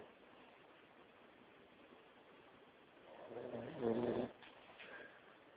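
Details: Dad snoring on the couch: a quiet room, then a single rough, rattling snore on an in-breath, followed by a softer breath.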